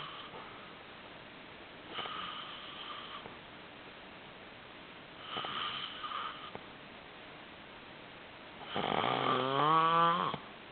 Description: snoring loud